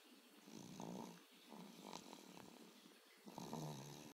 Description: Snoring baby